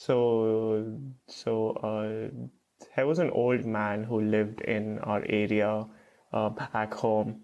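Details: Adult male who stutters, with hesitations and filled pauses; stuttering.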